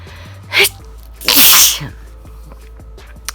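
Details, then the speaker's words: Person in an ongoing sneezing spell, unable to stop sneezing while trying to talk: a quick snorting sniff, then one forceful single sneeze over soft background music. "i'm still sneezing i'm trying to talk and stop sleeping i can't stop sneezing"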